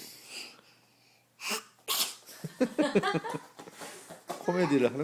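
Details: A young child's sharp sneeze burst, followed by the child talking and giggling as a booger comes out; sneeze.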